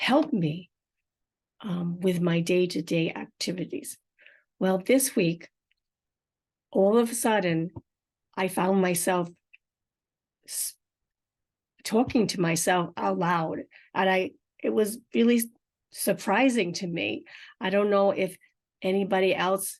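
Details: Woman with aphasia and apraxia of speech after a stroke, unedited podcast speech: aphasia with apraxia of speech.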